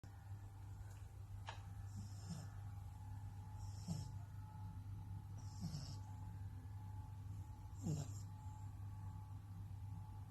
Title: Funny French Bulldog Puppy snoring! Only 11 weeks old!